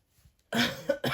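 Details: Cough.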